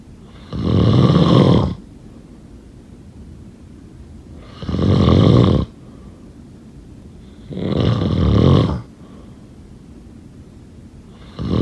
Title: Snoring sound…